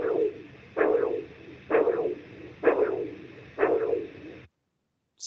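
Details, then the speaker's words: Doppler recording from a man undiagnosed for 44 years: a whooshing pulse at about 65 a minute, with the femoral pulse delayed relative to the simultaneous radial pulses. This is radio-femoral delay from coarctation of the aorta, diagnosed by cardiac MRI. "so you'll notice that they're happening at different times here are his radial arteries for comparison they're happening at the same time so there's a radial femoral pulse"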